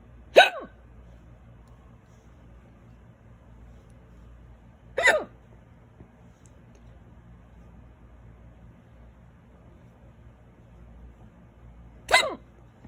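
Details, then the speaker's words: Three loud, sharp hiccups several seconds apart in a quiet room, in an adult whose violent hiccups began suddenly after eating a small salad and lasted about ten minutes; hiccups. "Excuse me, small salad and hiccups. I thought maybe they were gone for a minute, but it looks like they want to last."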